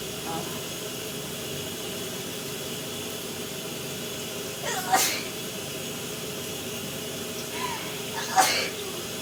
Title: Shower sneezes